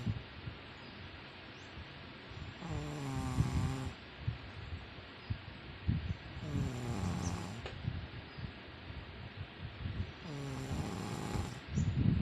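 Three long, rattling snores on the in-breath, each about a second, about every four seconds, against steady room noise; ordinary snoring.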